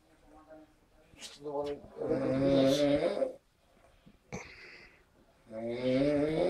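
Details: Man snoring while asleep after a party: loud, rough, rattling snoring breaths with quieter gaps between them.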